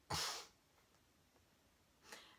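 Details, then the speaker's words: A person with Tourette syndrome has a strong snorting vocal tic, which sometimes hurts the nose: a single abrupt, forceful nasal snort followed by a fainter second burst. "uh so one that I just thought of because it kind of happened uh is a really strong snorting noise I can't do it really right now um but it's just like when you like snort really loudly um that's what it sounds like"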